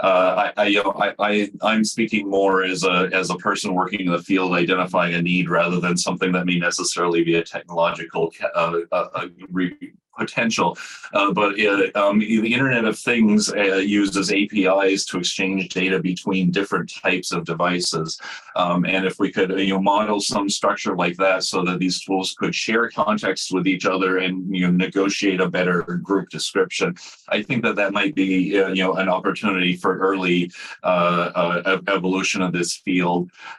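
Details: Adult woman who says she has a stutter, speaking on a panel; stuttering.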